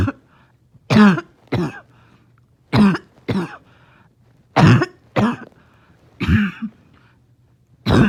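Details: Morning cough that makes it hard to rest: repeated short, harsh barking cough bursts in pairs with quiet gaps, with a wheezy quality.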